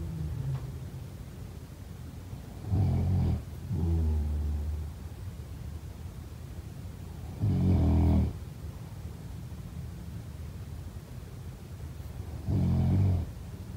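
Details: Low, rumbling snores about 12 a minute over steady room hiss, each breath giving a deep rattling sound; ordinary snoring.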